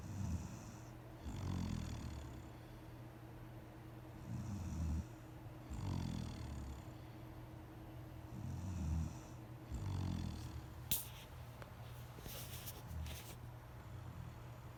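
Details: Adult woman (wife) snoring during sleep: low rumbling snores about 15 a minute, somewhat irregular, with steady low room hum; ordinary snoring.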